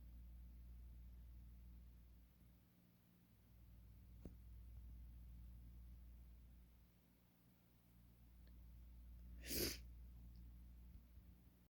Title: Loki Doesn't Like Sneezes